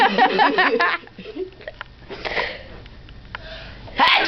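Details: Friend's repeated sneeze attack that has happened before and doesn't stop, not on purpose, leaving slobber on the table: talking and sniffing, then a sudden explosive sneeze.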